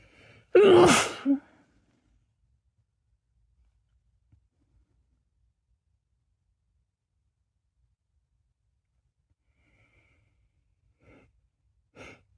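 A single sharp, forceful sneeze with a short after-sound, then near silence with faint breaths and small noises.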